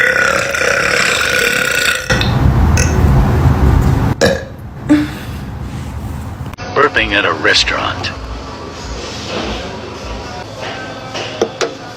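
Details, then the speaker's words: Woman burping while wearing a corset: loud, drawn-out voiced burps, repeated, with some talking and faint music behind; belching. "Burps in a corset."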